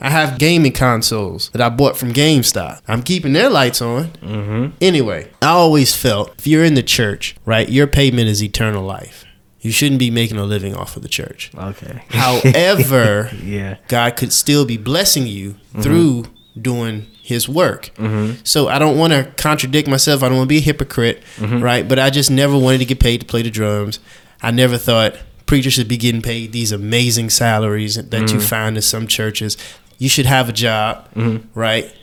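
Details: Adult man who says he has stuttered since age 5, speaking on a podcast; stuttering.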